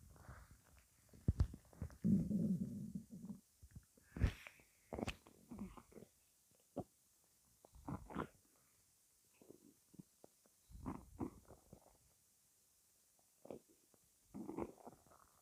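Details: Quiet, irregular gurgles, squeaks and low rumbles from an adult's stomach, ordinary bowel sounds; the person calls the noises weird.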